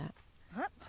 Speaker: anyone can hear that, that's Tinker Bell snoring.